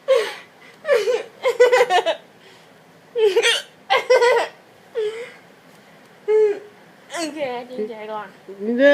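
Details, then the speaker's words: Girl laughing hysterically with abrupt, squeaky hiccups breaking in irregularly, about twice a minute or more; repeated hiccups mixed with laughter. "You got hysterical hiccups. You're hysterically laughing and hysterically hiccuping. Is it ever going to end?"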